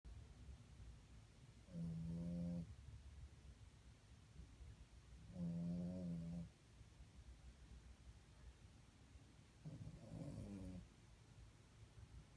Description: Hilarious video of my Frenchie Arlo sleeping, snoring, and waking up startled.